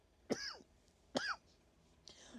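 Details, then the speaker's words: Woman recovering from an illness a week earlier with nasal congestion and voice loss, coughing heavily and still losing her voice: two short throat-clearing coughs and a softer third. "rle, je tousse à mort. Vous entendez ? Je perds la voix en même temps."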